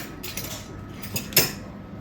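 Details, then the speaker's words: Single sharp snip of a small-bladed nail nipper cutting through the toenail of a senior woman during ingrown toenail surgery under local anesthesia, staying within the nail, with faint handling clicks before it. "It's a very, very teeny tiny blade. And I stay within the nail."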